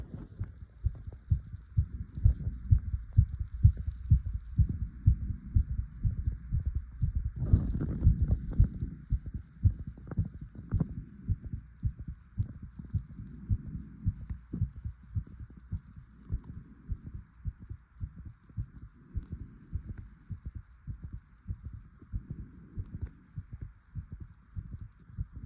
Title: Fast heartbeat 💓 #heartbeat #heartsound #heartbeating #heartbeats #cardiophile #cardiophilia